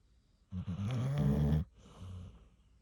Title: She probably belongs in the “horn” section… 😉🤪 #lifewithdogs #snore